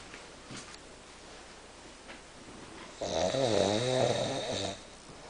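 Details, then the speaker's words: Quiet breathing, then one loud fluttering, vibrating snore lasting nearly two seconds from a sleeping man who claims he doesn't snore, said to go on all night; room noise; snoring. "Er hat gesagt, er schnarcht nicht. Und schon wieder. Und so ganze Nacht."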